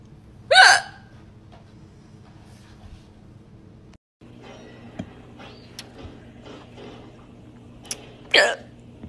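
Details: Drunk hiccups: two sharp, loud hiccups about eight seconds apart with faint room sounds between, from a loud burps and hiccups compilation; hiccups.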